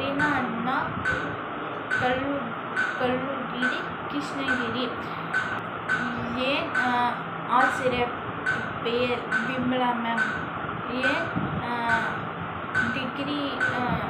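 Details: Presumed client of a stuttering rehabilitation clinic claiming results in 20 days; not stated whether recorded before or after therapy; stuttering.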